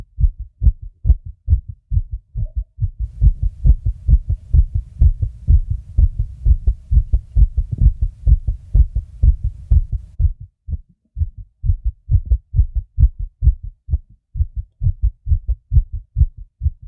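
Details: A fast heartbeat (tachycardia) at about 130 beats per minute: rapid, regular low heart thumps.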